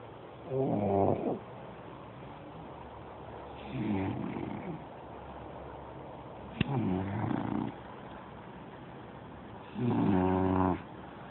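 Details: Four slow, rumbling snores, about 20 a minute, each a rough buzzing breath of about a second with quiet between; ordinary snoring.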